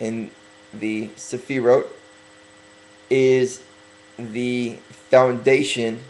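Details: Stuttering in a speaker who is working on correcting it by deliberately talking slower.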